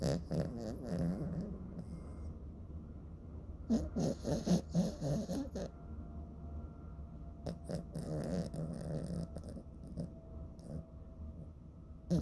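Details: Repeated low, snuffly, fluttering snores from a sleeping dog with quiet stretches between them, over a faint steady background hum; dog snoring.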